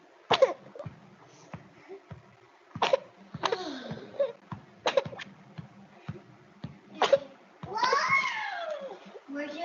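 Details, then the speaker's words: Repeated bursts of harsh paroxysmal coughing in a child, bringing up scant sticky mucus despite seeming full of secretions, ending in a strained, drawn-out crying breath; paroxysmal cough associated with pertussis. "entonces logran ver este es un tipo de todos asociada a hacer quintos a tienen la mucosidad de escasa no logran ver que a pesar de que el niño pareciera que está lleno de secreciones e incluso no logra sacar tanta este saliva y son todos que son como repetitivas de acuerdo elimina escasa mucosidad son pegajo"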